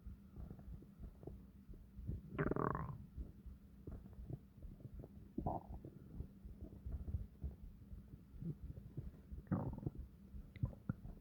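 Low gurgling rumbles with a few louder bubbling growls over a steady low hum: stomach growling, ordinary bowel sounds.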